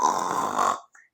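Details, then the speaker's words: Acted imitation of a wife's nighttime snoring in a comedy skit: a single harsh, rattling snort under a second, then a faint trailing breath; simulated snoring. "ಗೊರಕೆ ಹೊಡಿತಾರೆ ಈ ಗೊರಕೆ ಶಬ್ದ ಕೇಳಿ ನಮಗೆ ನಿದ್ದೆ ಬರೋದಿಲ್ಲ"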